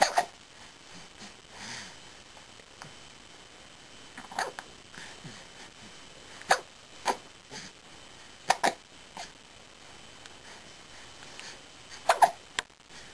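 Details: A dog with hiccups: short, sharp, jerky sounds at irregular intervals of a few seconds.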